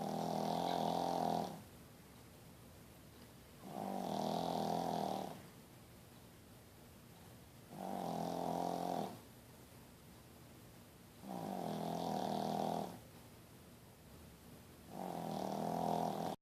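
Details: Rescued Pekingese dog snoring while asleep: loud, rattling snores with each breath, about 14 a minute, with quiet pauses between.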